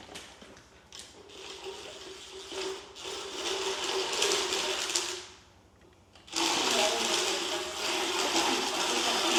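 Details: Motorized equine dental float.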